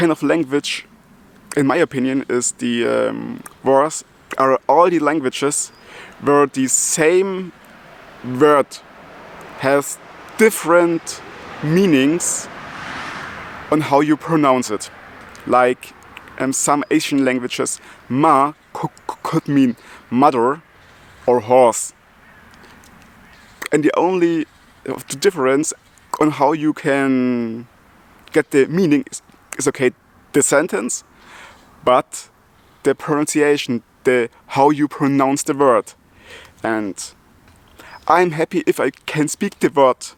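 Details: Adult German man who stutters and also has multiple sclerosis, speaking English, his second language; he ties his stuttering to breathing and to the extra load of a foreign language; part-word and word repetitions; stuttering.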